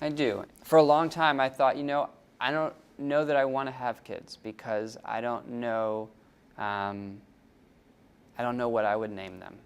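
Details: Stuttering in an adult man who has stuttered since age 11.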